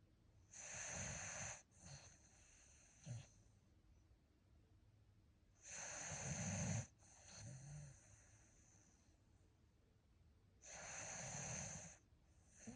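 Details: Slow, hissing, rattly snores, about 12 breaths a minute, with soft snorting between, from Grimace, a sleeping dog dreaming with his eyes open; ordinary dog snoring.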